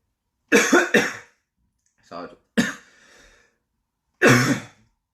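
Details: Adult's cough: a quick run of three harsh coughs, then a soft throat sound and two more single coughs in a quiet room.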